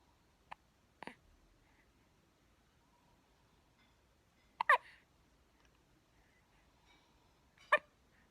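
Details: A two-week-old baby boy who can't stop hiccuping: soft, sharp hiccup sounds recurring irregularly, about five over eight seconds, in a quiet room. Newborn hiccups.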